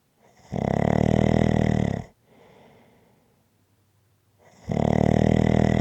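Two long, loud rattling snores on breathing in, with a soft breath out between; ordinary snoring.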